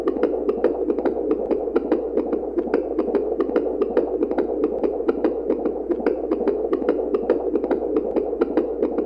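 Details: Fetal heartbeat sound effect from a baby heartbeat monitor: rapid, steady whooshing beats at about 146 per minute.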